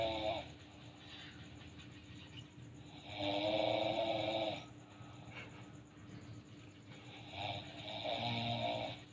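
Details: Sleep snoring: rough, rumbling snores about 14 a minute with a steady background hum and some room noise.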